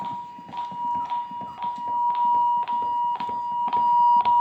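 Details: Automated external defibrillator alert tones during a training demonstration of AED technique: a steady high electronic tone with regular clicking pulses.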